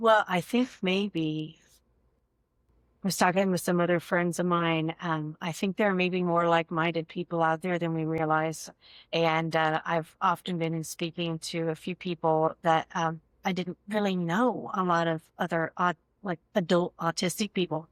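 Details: Adult speaker; fluent speech.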